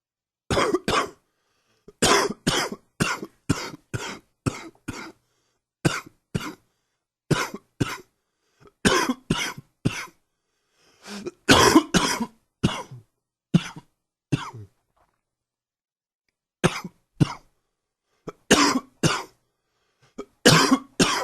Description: One more coughing fit before this cold goes away.